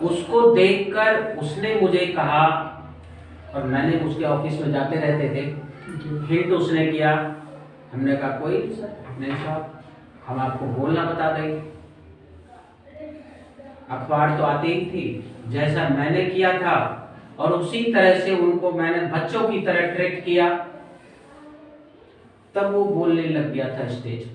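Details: Adult man speaking Hindi; no speech disorder.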